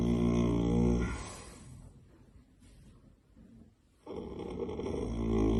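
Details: Sleeping pug snoring: loud, rough, drawn-out snoring breaths with a quiet pause between them, from a small flat-faced dog.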